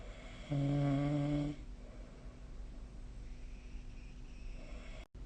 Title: 🐽 いびきの音 / Snoring Sleep Sound 2025/05/21